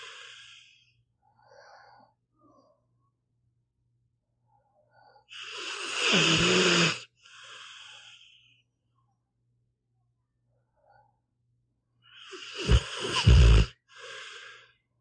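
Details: Snoring in a sleeping pit bull dog, audio only: two loud snorting snores, each followed by a softer whistling breath, with long quiet pauses between.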